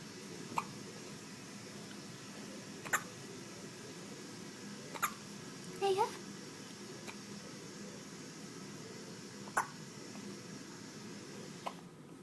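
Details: Infant's first hiccups: five brief, sharp hiccup clicks a few seconds apart, with one soft squeak between them.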